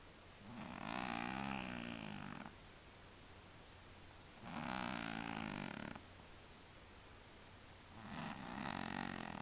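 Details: A cat in deep sleep snoring: three slow, rhythmic breaths with a rough, vibrating quality, roughly 20 breaths a minute; snoring.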